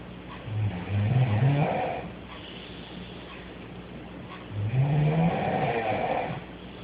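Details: Girl snoring in the middle of the night, sheep-like: two loud, rattling snores with a bleating wobble, separated by a quiet pause.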